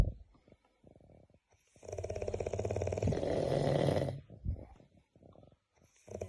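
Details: Heavy snoring likened to a helicopter: rapid fluttering rattle at about four beats a second, building into a loud vibrating snore for two seconds, with softer fluttering breaths around it.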